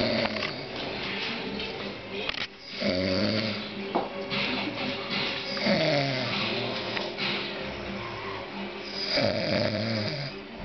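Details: Adult man snoring away on a sofa while kids help themselves to his kebab: snoring.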